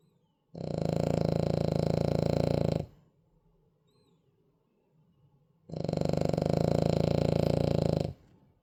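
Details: Cavalier dog in deep sleep snoring: two long, rattling, fluttery snores about five seconds apart, with quiet pauses between.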